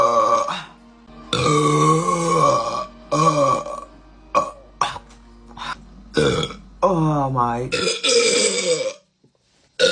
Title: #burpgirl #burp #burping #burpqueen #belch #belching #eructo #eructos #rutto #arroto #rülpsen